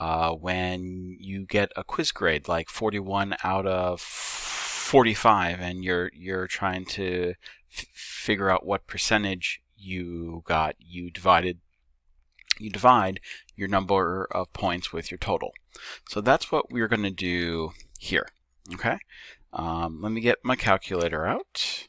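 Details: Male teacher who says he stutters and that repetitions heard are his, not the video buffering; real, not acted; stuttering.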